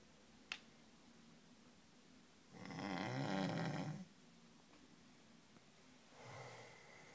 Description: Snoring fireman snores loudly and wakes up with a funny face.